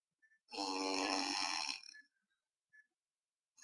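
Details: A single loud, rough inspiratory snore over a second long with a buzzing tone, during drug-induced sleep endoscopy of a 32-year-old male, BMI 27.5, AHI 52.5, with funnel-type, mainly anteroposterior soft palate collapse; obstructive sleep apnea snoring.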